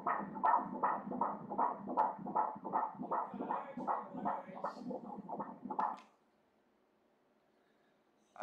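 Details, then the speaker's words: Fetal heartbeat on ultrasound at 14 weeks of pregnancy: rapid, regular whooshing pulses at 159 beats per minute, a normal rate. "इकडे हृदयाची धडधड पहा तिकडे पहा बाळाचे हृदय हृदयाच्या आत रक्त धडधडत आहे."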